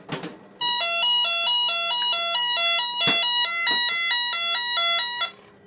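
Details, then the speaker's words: Loud, rapid alternating two-tone alarm, about three tones a second: HeartWare LVAD controller failure critical alarm, demonstrated in an inservice, prompting a change to the backup controller. "and when we do that this battle be alarming controller fail change controller do pacifier power patient which is the driveline"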